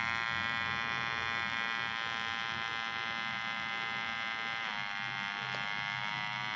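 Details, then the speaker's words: Omron HEM-6161 wrist blood pressure monitor cuff inflating: a steady motor whine as it pumps up. This model measures during inflation rather than deflation and does not average three readings. "kalau yang umumnya dipompa naik dulu baru saat turun diukur tapi Omron tensimeter Omron ini bedanya dia saat naik langsung mengukur"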